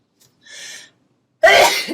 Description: A collection of various YouTubers who have some of the most powerful sneezes!